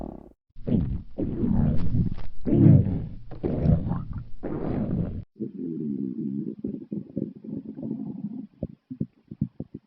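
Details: Loud, low gurgling rumbles in long rolling waves, then shorter bubbling pops as gas and fluid move through the gut; stomach growling (borborygmi).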